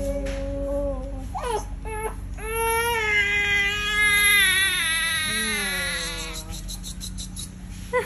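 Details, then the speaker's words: Baby boy crying in pain after a vaccine injection; loud, high-pitched, prolonged wails with breaks for breath, faint music behind; infant pain cry after vaccination. "Pangalawa talaga yung ano e yung sobrang sakit. Kawa naman ng bebe. Masakit talaga yung iyong bakuna."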